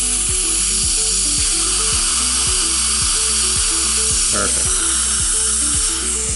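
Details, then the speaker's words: Posterior mandible Astra dental implant osteotomy meeting resistance, so the final dense-bone drill is used; a loud continuous hissing whine of the drill with spray over a steady low pulsing hum as it cuts hard bone. "so i'm going to go all the way to the dense bone drill falls right in"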